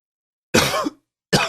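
A single harsh cough burst, followed by the start of a second.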